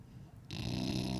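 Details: Sleeping dog, worn out after a weekend with the parents, snoring: a single rough, rattling breath sound.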